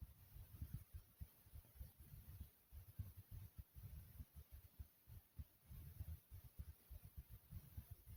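Soft, low, muffled thumps repeat at roughly 100 a minute under a faint hiss: a heartbeat.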